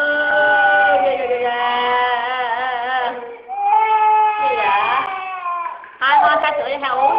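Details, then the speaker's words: Baby crying suddenly for no apparent reason while the mother talks: continuous wavering infant crying with long tonal wails and a brief pause, in a small room. "Nè coi cái mặt tóc nhè này ghê quá nè. Tự nhiên khóc thôi à."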